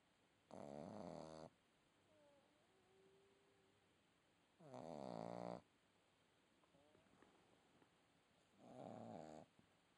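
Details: Sleeping red Boston Terrier puppy snoring: three rattling, fluttering snores about four seconds apart, roughly 15 breaths a minute, with quiet room noise between.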